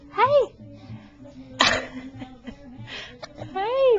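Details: Infant with hiccups: a sudden sharp burst between whimpering vocal sounds, over nearby adult voices; sneezing.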